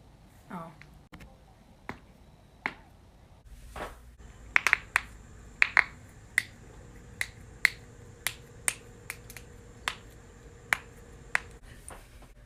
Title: cracking knuckles/neck/back compilation